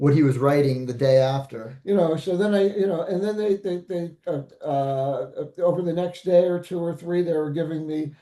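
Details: Post-stroke aphasia in a stroke survivor; aphasia.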